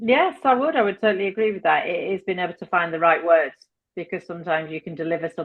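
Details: Adult woman; typical speech.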